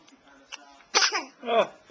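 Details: Day 10, recorded with a Flip Video camcorder: a quick breath in followed by a sharp burst, then a second short explosive sound; sneezing.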